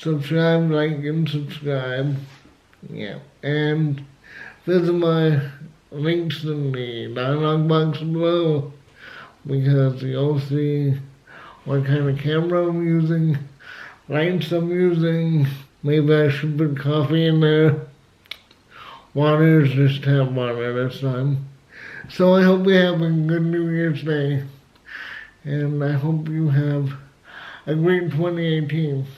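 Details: Dysarthria in an adult male with cerebral palsy, who also has asthma; he had to learn to talk and says he is still not quite there.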